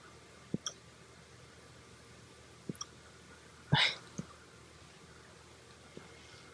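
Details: Husky puppy's very first hiccups: brief soft clicking hiccups, about five in six seconds at uneven intervals, in a quiet room.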